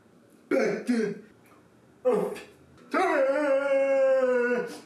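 Two short rough throat-clearing bursts, then a longer drawn-out voiced sound. Throat clearing.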